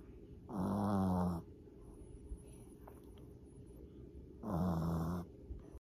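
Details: Sleeping, two loud, buzzing, low-pitched breaths about four seconds apart over steady room hum; snoring.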